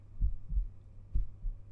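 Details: Person's own heart heard through a stethoscope whose earpieces feed a binaural 3Dio microphone (ASMR recording); two clear lub-dub beats with steady rhythm and no extra sounds; normal heart sounds.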